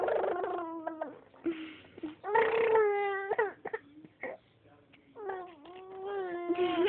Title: My baby makes airplane noises when he crys XD